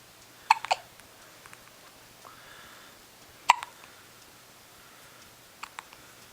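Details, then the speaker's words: 10-day-old baby with hiccups: abrupt, sharp hiccup sounds, some in quick pairs, about three in six seconds, with the whole body shaking; quiet room; infant hiccups. "More hiccups? So make him go away. Your whole body shakes when you hiccup, don't you, baby?"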